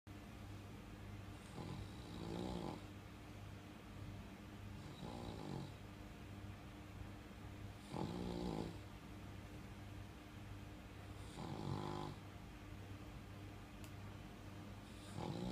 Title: Are you Snoring my little Fur Child